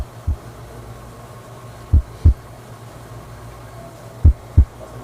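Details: Heart sounds picked up through a mobile phone: slow, widely spaced lub-dub at roughly 26 beats a minute over a low steady hum. Bradycardia.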